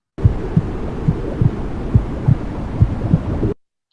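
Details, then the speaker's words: Normal heartbeat presented as the mother's heartbeat heard from inside the womb: muffled, regular low thumps at about 70 beats a minute over a steady whooshing hum. "So the mother heartbeat is the very first connection we have with sound."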